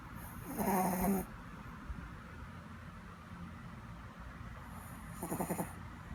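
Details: Sleeping dog snoring: two short, soft snoring breaths with a faint whistle, about four seconds apart, over room noise; light snoring.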